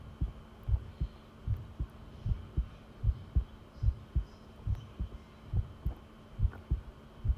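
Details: Long-duration heart sound recording: steady, strong low heartbeat thumps at about 76 beats per minute with a faint steady hum behind; normal heart sounds.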